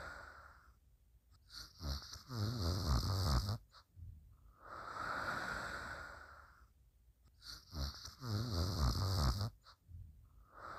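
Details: Suzy snoring quietly: rhythmic rough, fluttering noise on each breath in and a softer whooshing breath out, about 10 breaths a minute.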